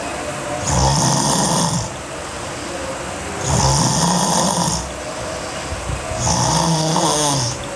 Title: Sleeping Girl Hard Snoring (EVB) Part 1